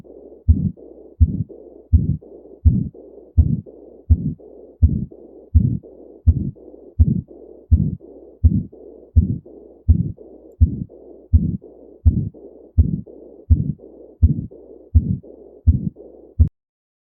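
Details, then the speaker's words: Heart sounds S1 and S2 played to illustrate a heart murmur: a regular heartbeat at about 83 per minute with a soft whooshing noise filling the gaps between beats. "so let's go ahead and listen to S1 and S2 sounds as well as the sound of murmuring"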